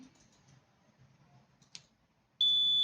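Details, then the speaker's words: Medical gas area alarm panel (oxygen and vacuum) being tested; high-pressure alarm triggered above 8 bar; after a quiet room and a click, a loud steady high-pitched alarm tone starts. "let's test now it's normal when above 8 bar it will be high pressure alarm let's see"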